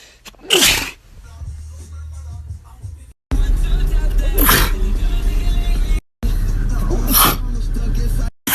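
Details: Man sneezing: three sharp explosive sneezes, each with a quick burst of air, over low steady background rumble and music.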